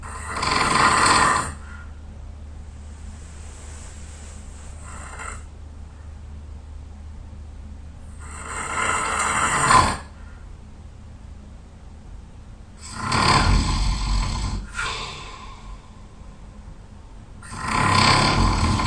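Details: Loud snoring in a very tired sleeper: rough snores on each in-breath, four in about nineteen seconds, with quiet pauses between them; heavy snoring.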